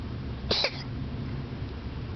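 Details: Two quick, sharp, hoarse bursts over a low hum from a female cat right after liquid medicine, filmed for the vet; owner unsure if cough or sneeze: cat cough.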